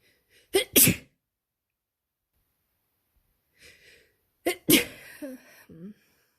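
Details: Real-time allergy sneezing fit in spring after a window was left open for hours: an adult sneezes twice in quick succession, with a sharp intake of breath before each sneeze.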